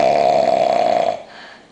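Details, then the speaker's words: Very drunk man asleep on New Year's, not waking despite loud talking nearby: one loud, buzzing, tonal snore on a single breath that then fades out. "you sound like a [ __ ] Toyota point8 your mouth nothing's moving man where the [ __ ] that sh coming out exhaust"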